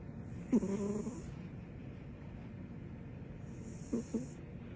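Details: Female snoring with her tongue out: two brief snorting snores on breathing in, separated by quiet breathing.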